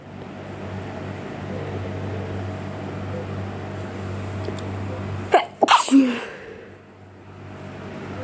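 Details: Steady room hum, then a quick cluster of sharp sneezes near the end, recorded while the person was sick; sneezing.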